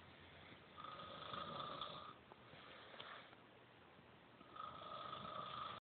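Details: Adult man passed out after a night of drinking, snoring: rough, buzzing breaths with a whistling edge on each inhalation, separated by quieter exhalations.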